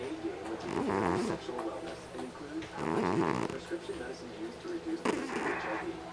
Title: Snore!!! Snore!!! Snore!!!